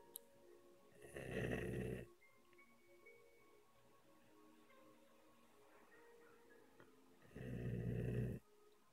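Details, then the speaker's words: A sleeper gives two loud, rough, rumbling snores about six seconds apart, over faint background music. Snoring during sleep. "shevy a snorer everyone's awake"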